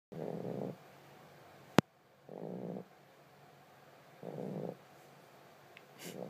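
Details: Tiger brindle boxer puppy snoring up a storm: regular rattling snores on each breath, roughly every two seconds, about 30 a minute, with a brief click between.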